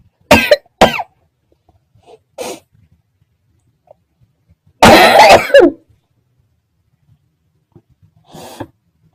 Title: Coughing 2